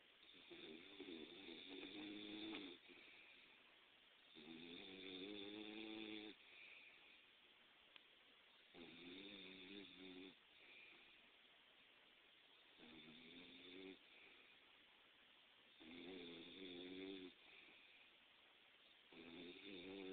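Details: Snoring from a sleeping dog that sounds humanlike: a buzzing snore about every three seconds, roughly 17 a minute, with quieter breaths between.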